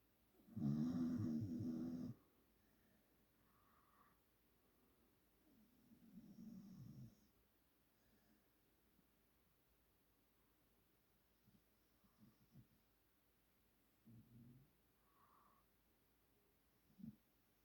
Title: PIT Bull Snores